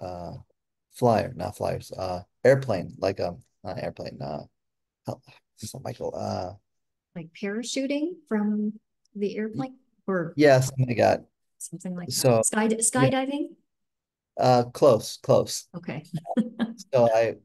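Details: Real person with aphasia, a member of an aphasia institute who helps with training; aphasia.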